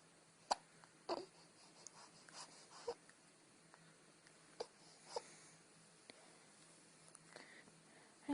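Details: Hiccups: soft, abrupt hiccup sounds at irregular intervals, about six in eight seconds, in a quiet room.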